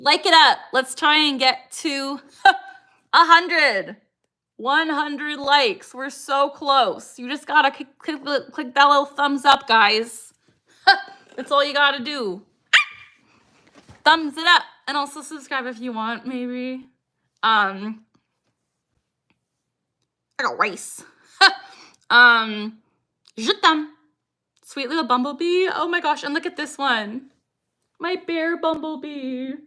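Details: Woman with Tourette syndrome; her most frequent vocal tic, the phrase "I got rice", occurs mid-sentence while she greets chat: vocal tics (Tourette syndrome).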